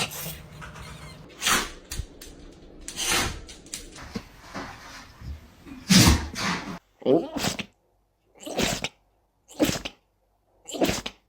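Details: Dog sneezing repeatedly: a rapid series of about ten sharp sneezes with short pauses between them, plus some room noise.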